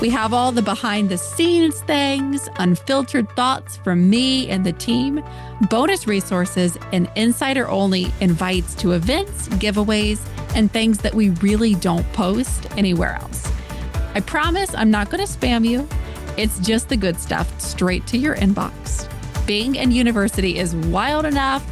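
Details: Adult woman speaking; normal voice.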